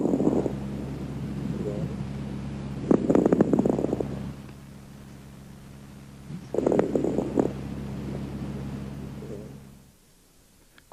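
Two breaths with brief, soft, high-pitched crackling pops during inspiration over a steady low hum: fine crackles.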